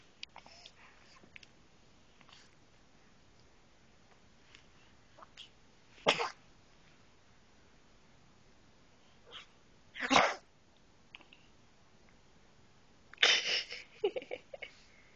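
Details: Three short, sharp explosive bursts spaced several seconds apart in a quiet room, recorded on a mobile phone; small sneezes.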